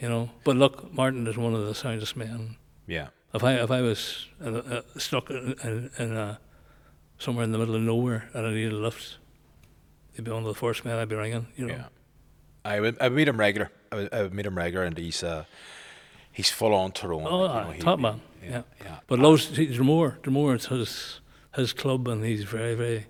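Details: Man nearly 65 with Parkinson's disease, voice problem noticed before diagnosis, also word-finding difficulty; hypokinetic dysarthria (Parkinson's disease).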